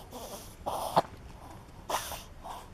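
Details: Dog making quick, noisy snorting breaths in through the nose, a reverse sneezing episode; owner suspects smoke allergy, as episodes follow smoke exposure, having just come in from outside in winter.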